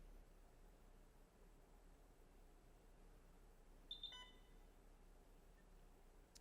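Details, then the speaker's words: Brief cluster of electronic beeps as a BD Alaris 8100 large volume infusion pump with point-of-care unit powers on via system on key and runs self-test diagnostics, during training demonstration. "So, let's go ahead and turn the device on with our system on key. It'll go through a series of diagnostics to make sure that the PCU and the LVP are connected."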